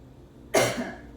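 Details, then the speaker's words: Adult with a cold for the past couple of days, getting better: a cough heard during her talk. "You guys will probably hear it in my voice. I may cough, I may have to clear my throat, I have a little bit of a cold the past couple days."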